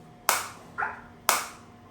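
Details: Biotronix focused (not radial) extracorporeal shockwave therapy unit, handpiece firing: sharp cracking pulses about once a second, with a faint tone and soft noise between pulses.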